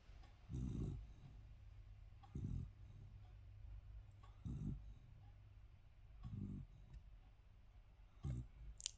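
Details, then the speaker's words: Sleeping dog snoring with its little tongue out: five low, rumbling snores at about 32 a minute in a quiet room. "que vous entendez pâau qui ronfle oh sa petite langue il est trop Bello il ronfle mon petit père"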